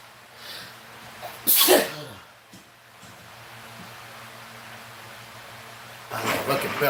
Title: Man sneezing